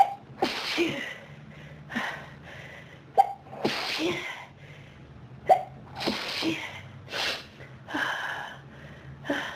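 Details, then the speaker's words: Intense human sneezing fit: repeated sneezes in quick succession, each preceded by a sharp catch of breath. "Oh, wow. This is a big sneezing fit. Do you feel it?"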